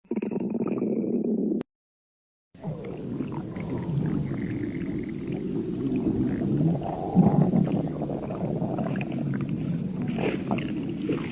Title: stomach growling